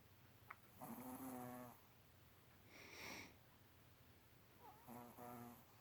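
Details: Sleeping Chihuahua snoring while dreaming, twitching and eye rolling: soft, squeaky snores, a few irregular snorts with quiet pauses between.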